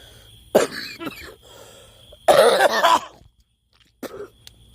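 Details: Three harsh, loose-sounding coughing bouts from an adult woman who is a smoker, feels unwell and is taking antibiotics, with quiet pauses between the bouts.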